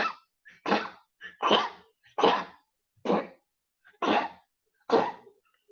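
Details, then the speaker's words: Dog with congestive heart failure gives a run of about seven harsh, hacking coughs with short gasping breaths between them, a cardiac cough. "ive in the studio you can hear bolo coughing in the background that's part of his uh his issue with uh his issue with being a congestive heart failure hear him that's congestive heart failure everybody"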